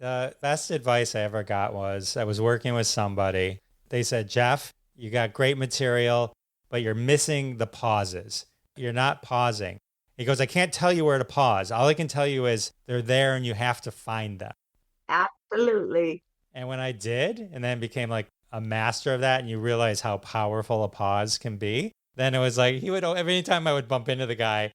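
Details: Adult male speaker; normal speech.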